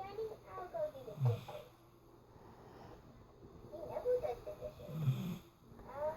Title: Penny the snoring staffy!